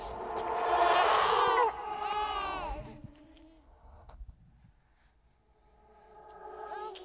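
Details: Horror sound-effect track of a ghost baby crying: wavering high-pitched wails fading into whimpers, with eerie processing; infant cry.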